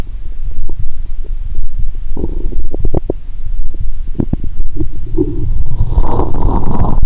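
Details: Person lying down after drinking 1.5 L cola and swallowing Mentos, stethoscope on belly: irregular low gurgles and bubbling pops over a steady rumbling; active bowel sounds.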